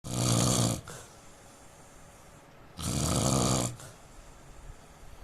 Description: Indian man snoring sound asmr sound problem etc